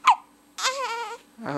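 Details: Infant boy with hiccups: a sharp hiccup-like catch, then a brief whimpering cry with a clear voiced tone, then the start of another cry.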